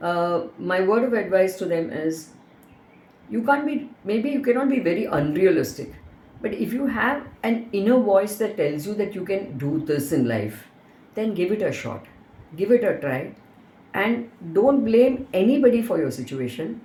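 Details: Adult woman speaking; Normal fluent speech.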